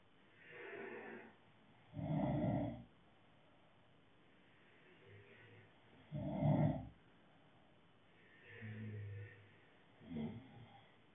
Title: Snoring part 4